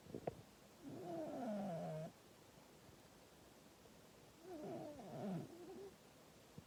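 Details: Female cat snoring loudly enough to wake her owner: two slow, groaning, whistly breaths with quiet pauses between them while asleep; snoring.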